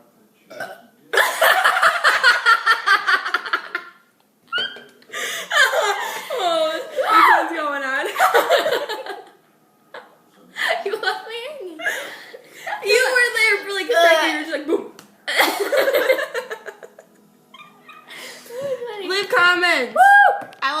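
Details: Deliberate burps after drinking Coca-Cola: a string of about six long, loud burps with laughter and talk in between.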